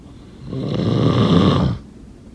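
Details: One long, low, rough snore on an in-breath, with quiet before and after; ordinary snoring.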